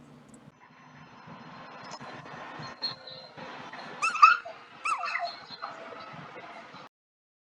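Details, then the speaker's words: A brief, sharp, squeaky pip over steady background noise: a chicken's sneeze, a sign of upper respiratory problems. It could be food, but it is worth watching if heard more than once a day. "if you hear a pip or the sound you just heard it's something to definitely hang out for for a little bit to see if it's happening on a regular basis or it was just that one time"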